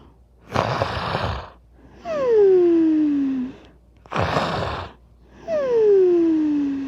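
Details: Cartoon-style snoring sound effect of a sleeping animated character: two cycles of a harsh rattling snore on the inhale, each followed by a falling, whistling exhale: snoring.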